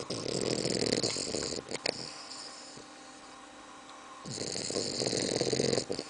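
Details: Bulldog puppy aged 2 months 3 weeks asleep: long, harsh, rattling snores with quieter pauses, loud and noisy through the airway; heavy snoring.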